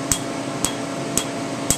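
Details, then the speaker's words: Four sharp snapping pulses about half a second apart over room hum from a Candela TriVantage Q-switched 755 nm alexandrite laser, 2 mm spot, removing a tattooed name under topical anesthetic; a little snap is good. "Alexandrite little bit of snap is good"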